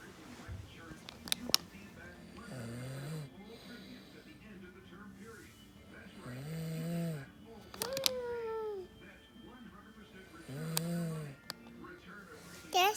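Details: A small child, a daughter, makes short, voiced, snore-like grunts between squeaks and chatter while impersonating her father: imitated snoring, not true sleep snoring.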